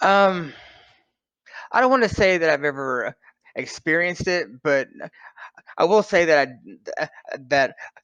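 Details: Adult man who stutters; finding: stuttering.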